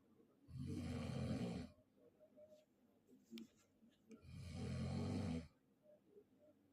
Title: Asli Rekaman Suara orang mendengkur saat Tidur! Ngorok